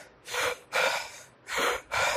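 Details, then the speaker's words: Nursing lecturer simulating Kussmaul respiration of metabolic acidosis: deep, rapid, forceful breaths in and out, an abnormal increase in respiratory rate and depth to expel excess acid. "तो मैं एक सीधी सी line बोल रहा हूं, समझने की कोशिश करना कि due to metabolic acidosis abnormal increase in respiration rate and depth known as Kussmaul's respiration"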